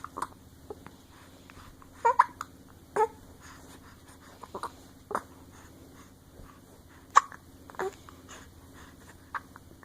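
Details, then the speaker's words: Infant hiccups: short, abrupt catches of breath from a baby boy, some with a brief voiced squeak, in a quiet room while he tries to cry. "You're trying to cry but you can't because you got the hiccups? That's kind of funny."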